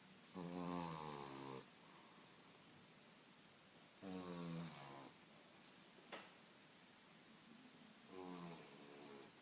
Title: Pepe French Bulldog (9 months) snoring